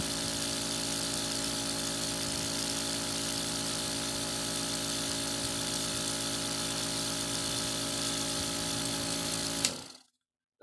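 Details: Steady loud mechanical buzzing hum for about ten seconds, then cut off: an Apex electric nebulizer's air compressor running after a pump repair for a no-airflow complaint.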